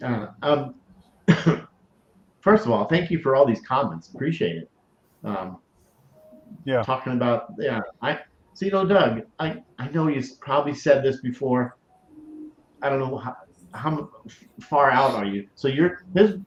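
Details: Adult male stroke survivor with aphasia, which he says has improved a great deal over time though he still forgets things; aphasia.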